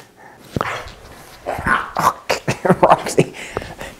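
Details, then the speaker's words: Large dog, Roxy, with kennel cough (infectious tracheobronchitis): a run of harsh, honking, productive-sounding coughs, as if trying to bring something up and failing. "So, as you guys can probably hear, she's you got that real productive cough where she's trying to bring something up and she can't."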